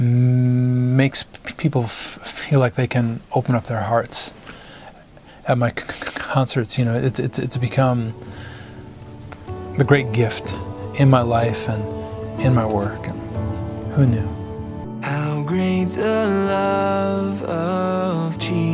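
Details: Adult male singer-songwriter with stuttering, which he says began in first grade around his parents' divorce and goes away when he sings; stuttering.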